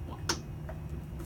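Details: Deep TMS helmet on a patient's cap during motor cortex mapping: one sharp click as the coil delivers a single pulse, while the helmet is moved a centimetre at a time to find the best response.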